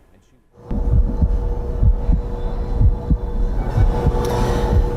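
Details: Normal heart sounds of an adult man with congestive heart failure (diagnosed 2014) who underwent a heart transplant.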